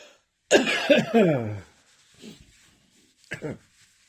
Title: Slightly phlegmy thickly throat cough